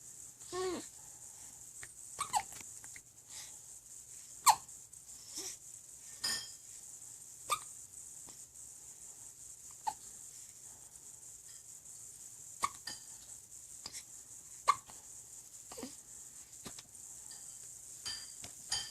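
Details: A 3-week-old baby girl with persistent hiccups that don't seem to bother her: soft, abrupt little catches every couple of seconds over quiet room hiss; hiccups.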